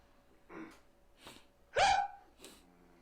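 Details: Man in his early twenties with tic disorder; involuntary, repeated vocal tic sounds; vocal tic.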